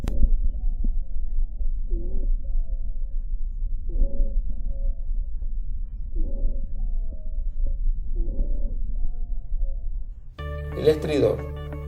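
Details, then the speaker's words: Wheezes: musical whistling tones recurring with each breath through a stethoscope from airway obstruction; monophonic are low-pitched, inspiratory or expiratory; polyphonic exclusively expiratory, notes starting and ending together. "la mono fónica son de baja tonalidad y se ocultan en inspiración expiración o era mal tiempo la polifónica ser exclusivamente expiratorio en todas las notas comienzan y terminan simultáneamente"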